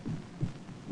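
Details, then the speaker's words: Heartbeat as a doctor hears it through a stethoscope at examination, from an old 16mm nursing training film on temperature, pulse and respiration: a single low lub-dub with hum behind; normal heart sounds. "the sound you hear is the most important sound on Earth it is the sound of a heartbeat the sound of"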